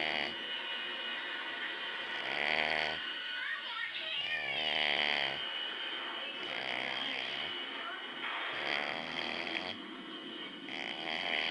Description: more of dad snoring